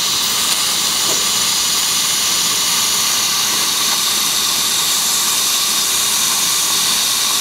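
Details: Biolase Waterlase MD dental laser in S mode, about 1.25 W, 7% water and 11% air, during a maxillary frenectomy under Septacaine local anaesthesia: a loud, steady hissing rush of air and water spray from the laser in operation.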